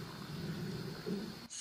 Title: 2023 Year End Stomach Noise Compilation (part 4)